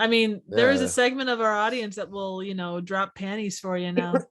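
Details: Adult speaker, conversational talk; Normal conversational speech.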